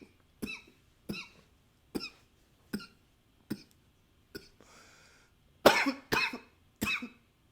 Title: 11 - coughing with a new microphone, some nose blowing sometimes